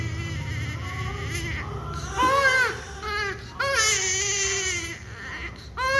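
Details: Thin, high-pitched cries in short bursts from a premature newborn during cannula insertion, with a low hum in the room; newborn crying.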